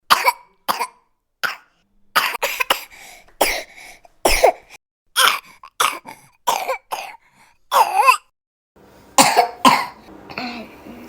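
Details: Coughing from a sick person: cough.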